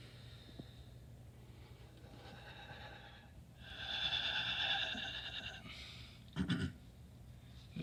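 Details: Huff cough taught by a physical therapy student during airway clearance, patient lying down with the therapist's hands on the lower chest: quiet breathing, then a long forceful open-mouth exhalation and brief burst to clear mucus.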